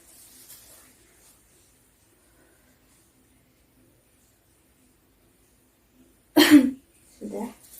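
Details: Nursing-practicum demonstration of deep breathing and effective cough technique, after two deep breaths through nose: one forceful cough then a softer second after a pause, acted to clear sputum.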